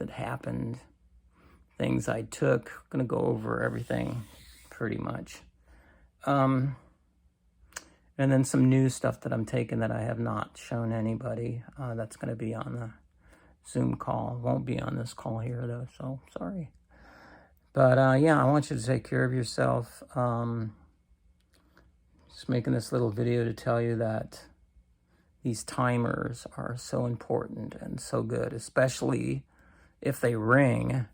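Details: Adult man with cancer and a bile duct stent that his doctor says needs clearing more often; creaky voice (vocal fry) lacking strength, which he says is typically worse in the morning.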